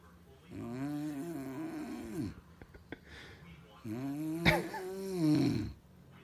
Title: Baby girl watching mom snoring